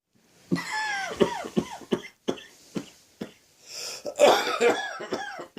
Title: Heavy cold and sore throat coughing 2